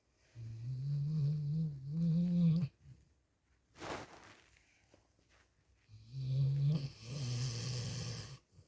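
Low buzzing snore on the breath in, a short snort, then another rumbling snore in a quiet room.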